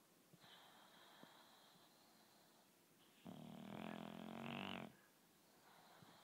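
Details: Dog snoring loudly: soft hissing breaths, then one long, loud, rumbling snore lasting about two seconds.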